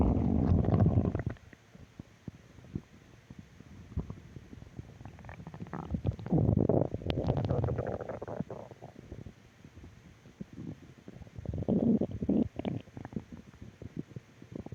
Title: Stomach Growl Audio 3